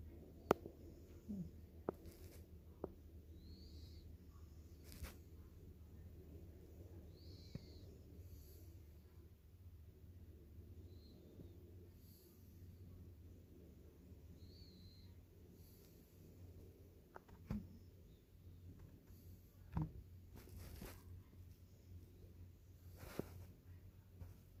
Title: Sleeping Baby White Paw Lynx Point Siamese Tabby Tiger Cat Snoring